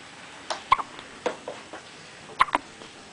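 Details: Newborn baby's hiccups: several short, sharp breathy catches in quick succession, with quiet room in between.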